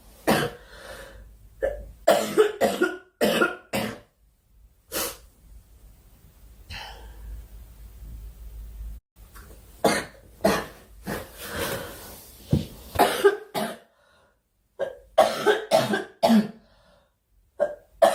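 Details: Young woman during a live stream: repeated bouts of short, harsh coughs with brief gaps and throat clearing between.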